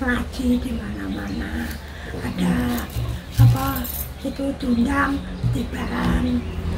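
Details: Weak, breathy dysphonia in a mother after neck surgery; family history of goiter; her daughter suspects the vocal cord was cut or lifted; her voice was strong before the operation; real voice change.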